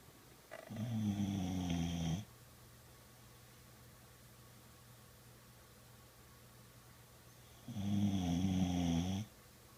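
Two long, low, fluttering snores several seconds apart in a quiet room; a dog snoring in sleep.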